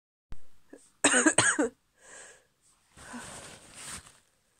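A cluster of sharp, forceful bursts of air followed by softer hissing exhalations, consistent with repeated sneezes.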